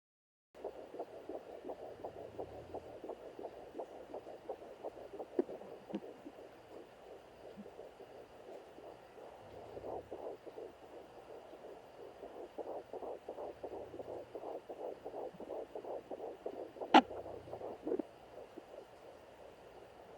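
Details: Fetal heart tones on a handheld digital Doppler: rapid regular whooshing pulses with steady hiss.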